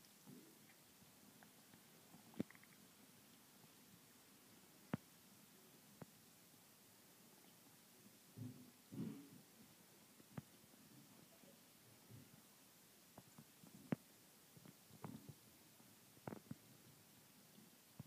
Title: my kitten has hiccups